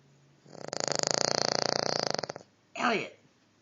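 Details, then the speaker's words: A sleeping King Charles spaniel snoring: one long, rattling, fluttering snore on a single breath, then a short, softer breath sound. "that was you snoring. That was you."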